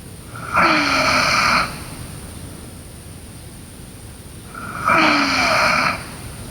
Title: Sleeping Girl Snoring